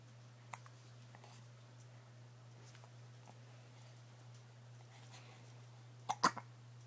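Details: Ordinary hiccups: a faint catch early on, then one sharp, abrupt hiccup near the end, over a steady low hum in a quiet room.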